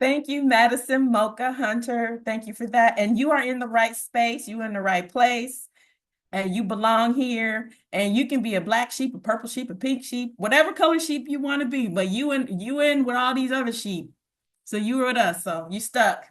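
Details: Adult woman speaking; Normal voice.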